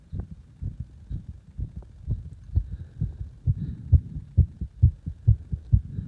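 Strong, regular low thumping heart sounds at about 130 per minute, each beat loud and forceful.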